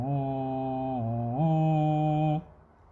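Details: Straw phonation exercise by a man with muscle tension dysphonia, phonating through a squished paper straw without water for back-pressure resistance, which he says helps his vocal folds work together.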